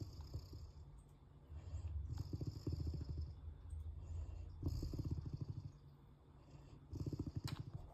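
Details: Mastiff-mix dog fallen asleep, deep, rattling, fluttering snores in long breaths, several in a row: snoring.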